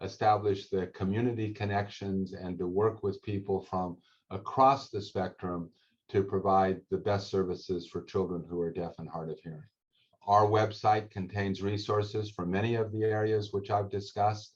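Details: Adult male speaker; normal speech.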